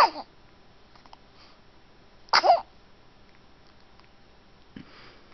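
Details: A few small, sharp sneezes from a pet named Reise, with quiet room noise between; sneezing.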